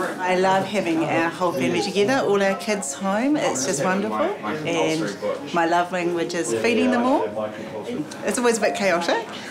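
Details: Adult woman speaking; ordinary speech.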